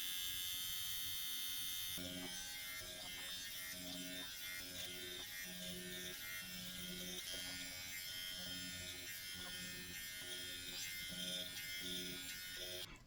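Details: Dr. Pen electric microneedling pen at 0.75 mm depth, speed level two, on chest and collarbone area, home use; steady high-pitched motor buzz with soft rhythmic tapping; skin turned red from irritation.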